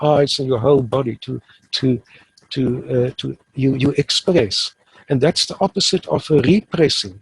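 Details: Adult male who has stuttered since about age 3 or 4, now using the passive airflow technique and reporting being fairly fluent; stuttering may be mild or not heard in this stretch.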